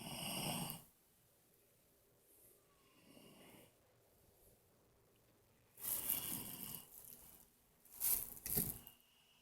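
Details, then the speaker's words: Overweight man passed out drunk, snoring: loud rough snoring breaths separated by quiet pauses, a few snores over several seconds in a quiet room. "That guy passed out drunk, snoring like crazy."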